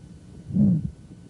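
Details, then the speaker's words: Aortic stenosis murmur: mid-systolic crescendo-decrescendo (diamond-shaped) harsh murmur rising and falling between a clear first and second heart sound. "is a valve stenosis you can pretty much hear the first heart sound and you clearly hear a second heart sound on the other side of it the murmur rises and falls between it's often termed a diamond-shaped murmur"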